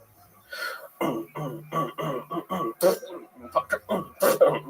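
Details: Vocal tic in a 25-year-old man with Tourette syndrome involving motor and vocal tics, whose vocal tic word changes about yearly, with the tic noise worked into a beatbox/techno bit.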